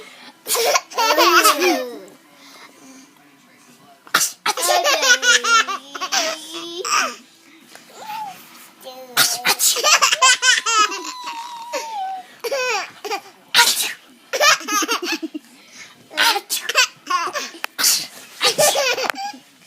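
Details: Playful fake "achoo" sneezes recorded in 2014, each answered by a young boy's bursts of giggling laughter; imitated sneezing, not real.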